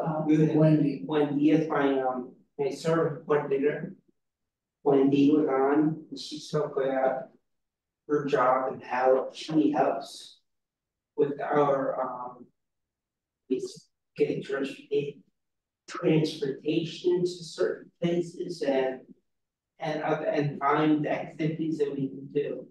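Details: Real podcast host with aphasia caused by a brain injury; aphasia.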